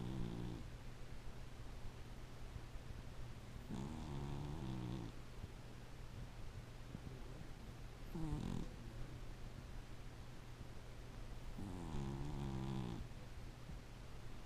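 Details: Loud, rattling snoring in slow, repeating breaths, about four in fifteen seconds, over steady room hum.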